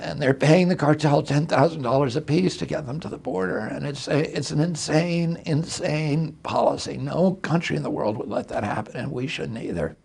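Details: Adult male with spasmodic dysphonia; he reports a very strong voice until age 42, then onset in 1996 after a neurological injury, which he attributes to his brain sending wrong signals to his vocal cords rather than to the cords themselves.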